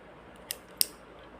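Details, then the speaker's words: Demonstration of a metered-dose inhaler for asthma and COPD: after a full exhale, lips sealed around the mouthpiece and a dose released, giving two crisp actuation clicks in quiet. "then you will be delivering a dose like this and you will be hearing a clicking"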